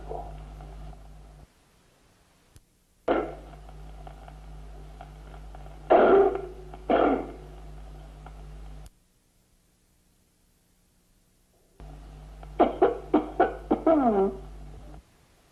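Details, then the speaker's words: A few louder coughs, then a run of small, short, suppressed coughs over a steady hum, demonstrating the wet cough of acute bronchitis and the dry, timid cough of painful pleurisy: wet and pleuritic cough. "la tos seca irritativa del carcinoma broncogénico la tos húmeda de la bronquitis aguda y la tos seca tímida deuda de la pleuresía dolorosa"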